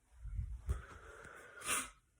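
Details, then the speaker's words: Person who reports feeling very allergic for no known reason and sneezing constantly: a brief indrawn breath, then a single sharp, hissing sneeze in a quiet room. "super allergized right now for no reason I don't know what's going on I've been sneezing all the time"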